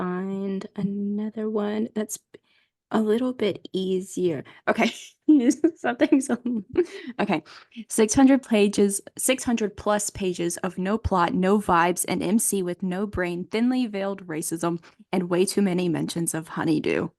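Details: Adult woman speaking; typical voice.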